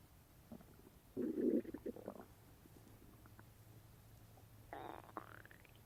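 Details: Stomach noises right after eating grapes; short bubbling gurgles followed by a rising squeaky rumble. Normal digestive bowel sounds (borborygmi).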